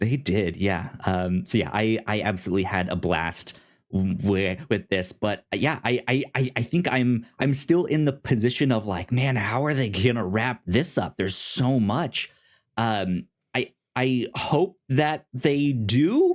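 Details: Self-described stuttering in an adult male podcast host who says he has a speech impediment; repeated words heard; stuttering.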